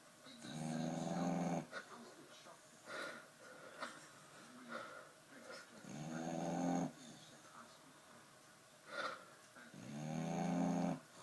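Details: Female Staffie (Staffordshire bull terrier) sleeping: loud, rough, rattling snores, about 12 to 15 a minute, each followed by a quieter breath out; heavy snoring.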